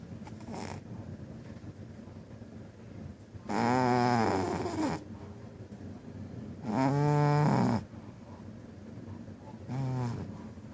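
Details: Loud, rattling, buzzy snores about every three seconds, with softer noisy breathing between, from a sleeping cat heard from the couch; heavy snoring.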